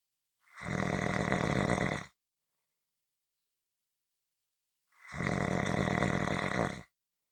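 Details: Two long, loud, rough rumbling snores about five seconds apart, with total silence between; snoring.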